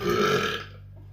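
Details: Belch, unexpected ("came out of nowhere"): a single loud, low, drawn-out burp lasting about half a second.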